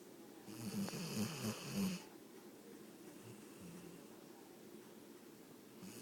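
One short run of rattling, snorting snore sounds from a sleeping dog, then quiet room noise.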